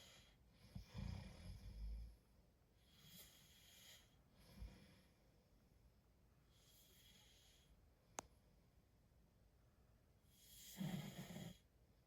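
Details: Low, rough snoring on the in-breath from a man asleep at night, with quieter breath sounds between snores in a quiet room; snoring.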